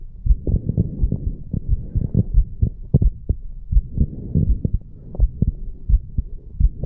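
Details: 34-year-old man after the farmer's walk exercise, recorded over the mitral (bicuspid) valve area; strong, steady low thumps with a faint background hum; normal heart sounds after exercise.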